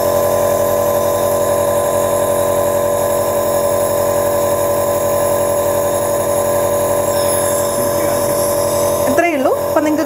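A steady, even motor drone with a constant hum throughout, the running sound of an air compressor nebulizer that turns liquid medicine into mist.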